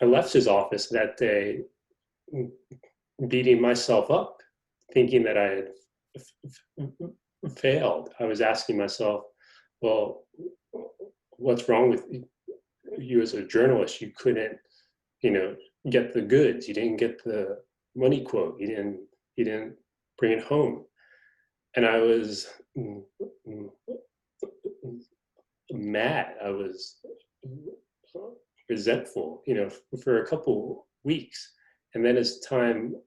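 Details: Stuttering in an adult man, a magazine reporter who describes himself as a person who stutters; his stutter is noted as quite evident in conversation.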